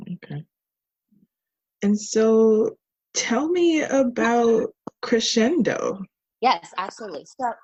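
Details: Adult speakers in conversation; ordinary speech.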